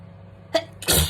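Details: Sneezing during a skincare routine: two quick sneezes, a short one then a louder, longer burst, in a quiet room.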